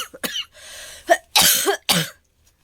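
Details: Persistent cough in an adult woman, ill for several days and short of breath despite taking medicine: four harsh, dry cough bursts with a breath drawn in between.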